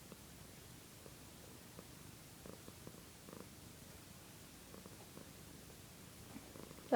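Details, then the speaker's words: Cat making quiet, irregular crackling clicks in place of a smooth, steady purr; owner thinks something is wrong with her: crackling purr. "not purring, that's crackling. Good, you stopped crackling."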